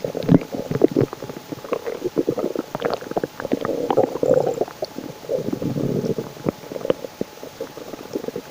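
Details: Stomach growling (borborygmi): loud, continuous low rumbling and gurgling bowel sounds with irregular bubbling pops from the belly.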